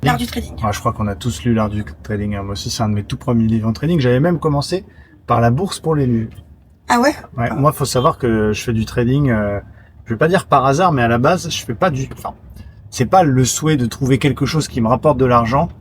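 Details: Adult speakers in conversation (French); ordinary conversational speech.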